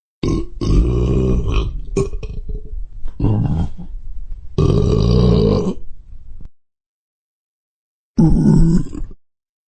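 A series of loud, drawn-out, deep belches with gurgling grunts, from a sound-effect recording.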